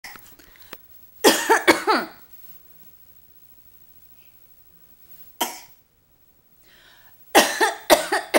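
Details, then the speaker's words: Voluntary imitated cough from an infant asked to cough: several short, deliberate cough sounds in bursts, not from illness. "can you cough it's very good"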